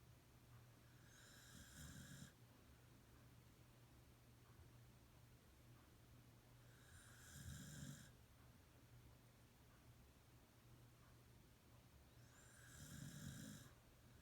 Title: Sheba Snoring